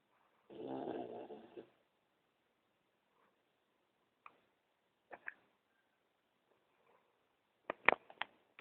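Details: Person snoring during sleep: a single rumbling, fluttering snore on an in-breath, followed by quiet and a few faint clicks and rustles.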